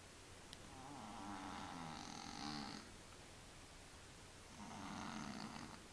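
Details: A sleeping cat makes two soft, rough breathing sounds over about six seconds, each a low rattling snore on the breath: snoring.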